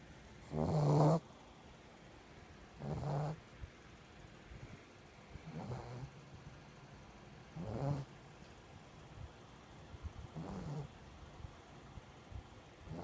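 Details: Newly adopted female pet, owned about a week, snoring heavily: five rough, rattling snores about every 2.5 seconds (about 23 a minute), fading, with quiet between.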